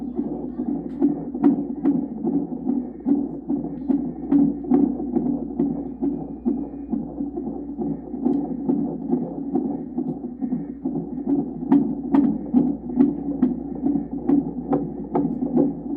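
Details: Rapid, regular whooshing pulses at about 140 a minute from monitoring the baby in the mother's belly: a fetal heartbeat on Doppler, within the normal range.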